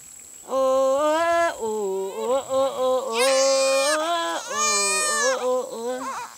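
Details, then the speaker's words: Newborn born overnight, crying in strong, high-pitched, wavering wails with brief breaks; newborn cry. "Early the next morning, I wake up to the sound of a baby crying."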